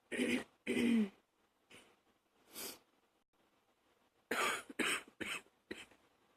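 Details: About eight morning coughs in short bursts: two loud opening coughs, softer ones, then a quick run of four.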